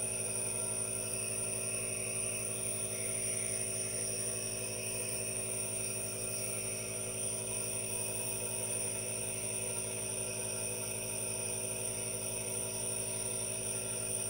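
Steady mechanical hum and hiss from a running nebulizer, with no breaks or talking.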